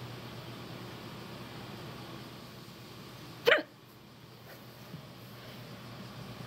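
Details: A single sharp, abrupt hiccup from a person hiccupping for the first time in a long while, over steady room hiss, while their cat hears hiccups for the first time; hiccup.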